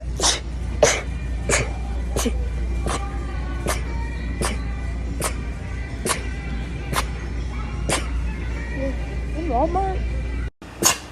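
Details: Woman with rapid sneezing: about a dozen short, sharp sneezes in quick succession, roughly one every 0.7 seconds, over a steady low hum.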